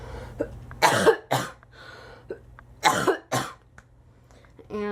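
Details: Two pairs of harsh, wet-sounding coughs from an adult, with brief throat-clearing between; she reports wheezing on exertion, stopping breathing in sleep, and coughing up blood, and has just taken a breathing treatment.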